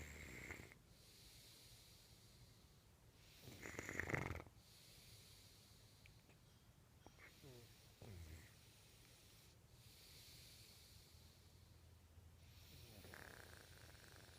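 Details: Person snoring: rough, rattling snores at irregular intervals, about four over fourteen seconds, with quiet breathing between.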